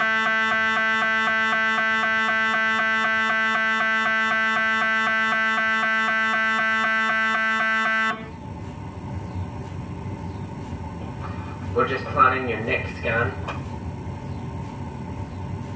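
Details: Adult patient during a scan: loud, steady, rapidly repeating electronic buzzing tones, then a softer rumble with brief knocking. Typical MRI scanner noise during image acquisition.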